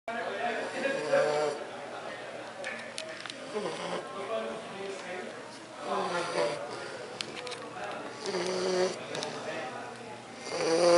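Continuous rough, snorting breath noise with rattling on each breath, some background voices; snoring in a flat-faced dog.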